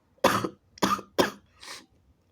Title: wet sneezes & nose blowing (he/they)